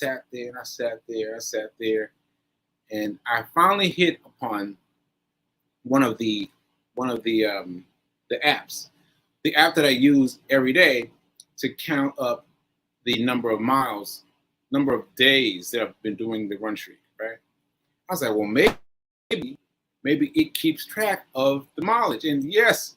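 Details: Aphasia in a man recovering from a stroke on 7/14/22, almost one year post-stroke; he reports that aphasia made working out numbers difficult and that everyday tasks are not yet normal for him.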